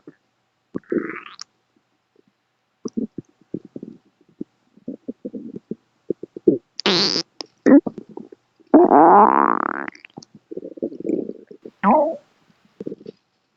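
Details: Scattered gurgles, squeaks and rumbling bursts from a pet rabbit's stomach, recently discharged from hospital; normal active bowel sounds, borborygmi.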